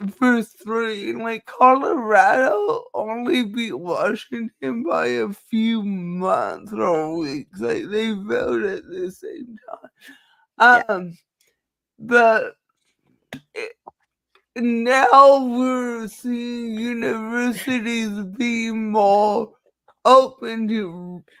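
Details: Dysarthria in a woman with cerebral palsy, who says nothing can be done about her speech; dysarthria (cerebral palsy).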